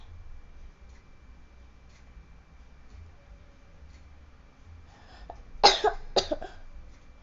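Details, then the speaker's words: Two short, dry coughs in quick succession in a quiet room, set off during an attempt to trigger a nosebleed; cough. "batuk, guys. Yang ini kan nggak mimisan. Kalau yang ini jadi batuk."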